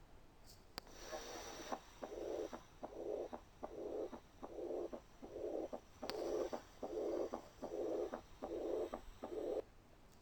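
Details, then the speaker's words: Stethoscope diaphragm at the aortic area: rapid regular heartbeat with a soft blowing diastolic sound after each beat, mild aortic regurgitation. "الكيس التالتة mild وسيفير aortic regurg."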